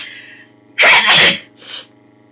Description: I try to read aloud, but my nose is having none of it!